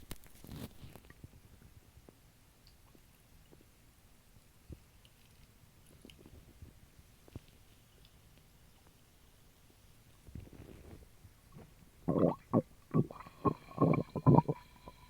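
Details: Stomach recorded while drinking a small can of Sprite: a quiet abdomen with faint clicks, then loud bubbly gurgles and swallowing sounds as the soda fizzes down; bowel sounds.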